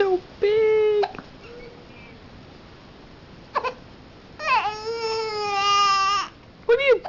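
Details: Several sustained, tonal cries with short pauses from a baby girl with hiccups, dogs present in the room; ordinary infant cry.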